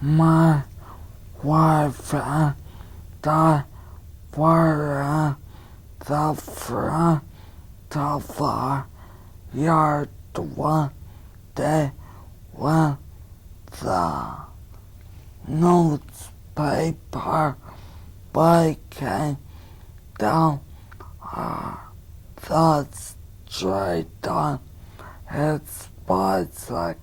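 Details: Male patient with bilateral upper motor neuron disease, expressive language intact, reading a paragraph aloud during a neurologic exam; low-pitched, strained, harsh speech at a slow, deliberate rate; spastic dysarthria.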